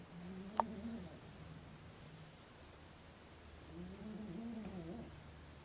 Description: Sandy snoring - I could hear him from the other room I was sitting in!